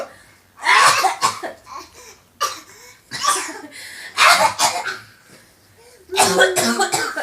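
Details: A young boy gives about five harsh coughs in separate bouts over several seconds, some followed by brief voiced sounds: cough.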